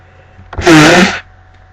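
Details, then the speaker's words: A single loud, explosive sneeze in a quiet room from a person very allergic to cats, with a cat present while reading aloud; allergic sneezing. "Oh, and I'm very allergic to cats. It's actually my mom's cat, but I'm looking after him."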